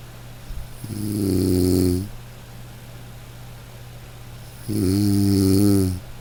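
Two long, low, buzzing snores separated by quiet pauses, over a steady low hum; ordinary snoring.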